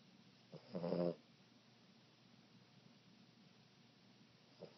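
A single short, low snort-like snore from a sleeping puppy, with quiet room noise between breaths.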